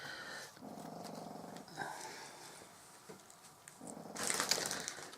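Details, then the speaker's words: Dog snoring loudly; the noisier dog sleeps beside the older, quiet dog; snoring. "Sometimes can you hear my dog snoring? Sometimes my bigger dog, my older dog, he looks at me, he lays in the bed next to her and he looks up at me as if to say, can you shut her up?"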